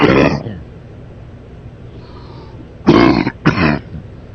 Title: A men coughing during a sleep rush